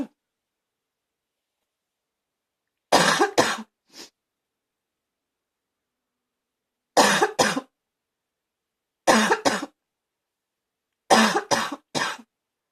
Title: #76 barking cough anyone?